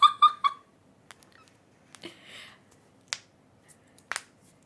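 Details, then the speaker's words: Person deliberately cracking their own knuckles for the microphone, with noise reduction turned off; knuckle cracking sounds. "that's my Knuckles cracking but this is my lip ver is the worst"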